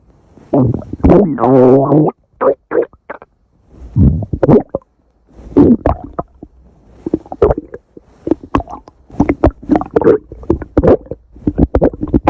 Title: stomach growling